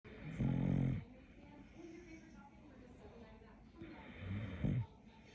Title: TikTok dog. Каплер сладко храпит .BED time snoring.